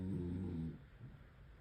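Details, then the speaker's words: Dog snoring in the background, curled up on the floor with other dogs on a cold, rainy day; a loud, bad snorer. "Sorry about that noise. He's a really bad snorer."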